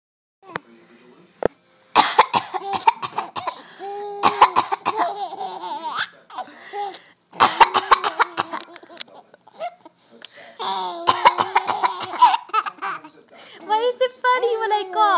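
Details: Bursts of sharp coughing, alternating with laughter from another person in a small, quiet room; a cough.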